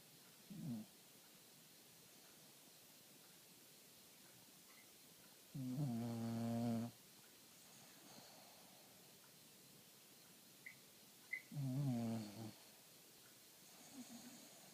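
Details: Noah snoring during sleep: loud, rattling snores about every six seconds, with quiet breathing between them.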